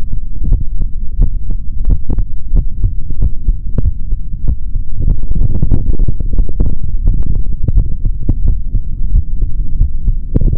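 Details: Adult male's normal heartbeat heard through a stethoscope: low thumping beats partly masked by rubbing and rumbling noise.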